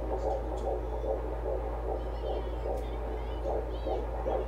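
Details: Fetal heartbeat on Doppler during pregnancy with nausea: fast, regular whooshing pulses over a steady hum at about 150 beats a minute, the rate reported at the check; within the normal range.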